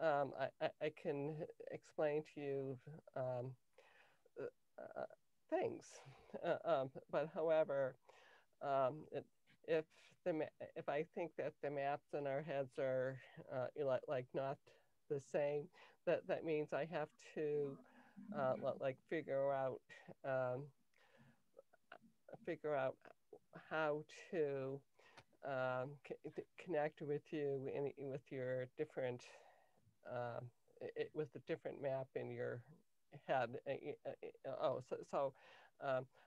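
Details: Adult woman with lifelong cluttering beginning in early childhood, diagnosed at age 10 with a language-area speech problem that her speech therapist later identified as cluttering; difficulty organizing thoughts and formulating answers; cluttering.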